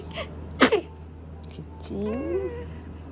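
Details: Cat sneezing, 11th day: a short sharp sneeze and a softer one, followed by a brief meow, over low room hum.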